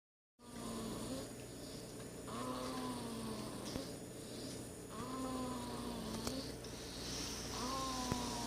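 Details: Snoring in a six-week-old: soft, slightly whistling breath noises about every two and a half seconds over steady room hum, described as an aggressive snore for the age.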